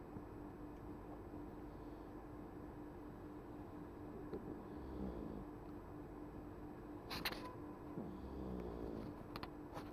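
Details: Sleeping cat snoring while deeply asleep: faint, soft snores partly masked by steady room noise.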